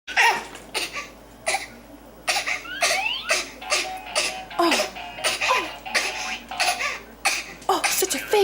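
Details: An infant in a good mood after crying gives a string of short, light, playful cough-like bursts for attention, a deliberate fake cough: voluntary (fake) cough.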